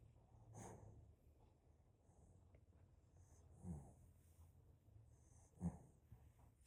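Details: Light snoring from a sleeping Shih-poo dog: quiet, irregular snorting breaths, with a few loud snorts among soft breathing.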